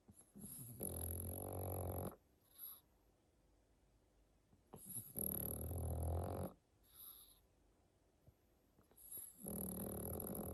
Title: | SNORING PUGS ARE TOO CUTE 🥰 | Pug sleeping in his winter sweater |